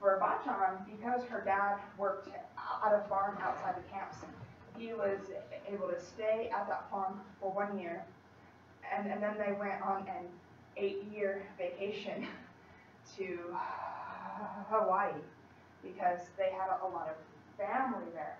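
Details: College student who stutters, giving a practice class presentation to a small audience at her speech therapy clinic; she stutters more before unfamiliar people or large audiences and is trying not to substitute or avoid words: stuttering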